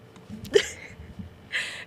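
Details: Hiccups: two abrupt, sharp gulping sounds about a second apart over faint room noise.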